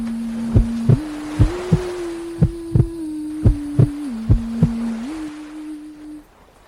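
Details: A heartbeat sleep aid for a baby girl: paired soft lub-dub thumps at about 90 a minute over a steady humming melody, with white noise and wave sounds.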